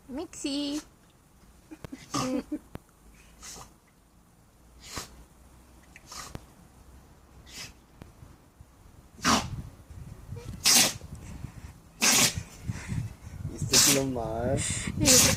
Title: funny dog, sneezing dog mexx